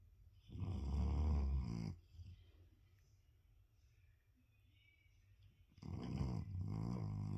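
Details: A sleeping dog snoring: two long, low, vibrating snores separated by a quiet pause of several seconds.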